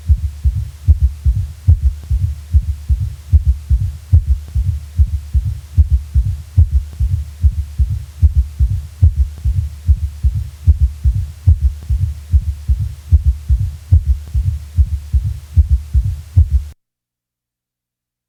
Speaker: when both the third heart sound and a fourth heart sound are present with a normal heart rate 60 to 100 heart beats per minute the four sound Cadence of a quadruple Rhythm may be heard listen to such a rhythm in which all four heart sounds are present